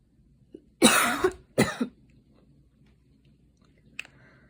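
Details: Two harsh coughs in quick succession, then quiet; a cough after about five minutes of running.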